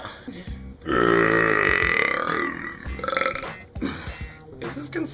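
A long, loud, drawn-out voluntary belch with a shorter one after, over background music and chatter; a performed burp.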